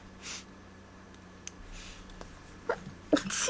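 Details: Faint sniffs and an inhaled catch from a small nasal tickle, then two quick sneezes at the end; sneezing.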